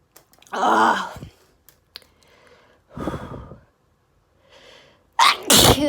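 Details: Several sneezes close together with sharp breaths between — rapid, desperate allergy sneezing fit.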